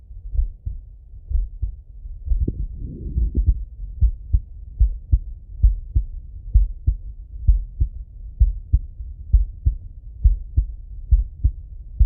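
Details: Adult male heart heard through a stethoscope: steady paired heart sounds at about 65 beats per minute, a normal rhythm.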